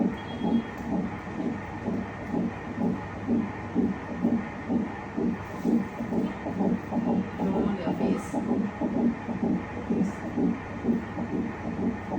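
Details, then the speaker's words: Rapid, regular whooshing fetal heartbeat at about 128 a minute on a Doppler monitor at a hospital visit 45 days after the previous one; first heartbeat heard, the mother moved to tears. "Baby heart beat విన్నాక చాలా హ్యాపీగా అనిపించింది కళ్ళ నుండి water కూడా వచ్చాయి literally"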